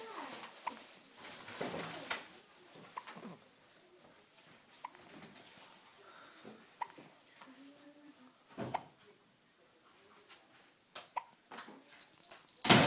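A child hiccups repeatedly, sharp brief clicks spaced a few seconds apart in a quiet room.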